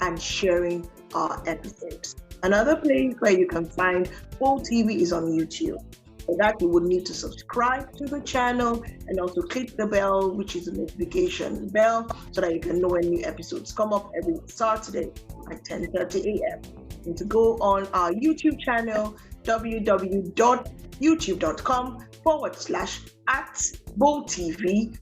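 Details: Adult host speaking; typical speech.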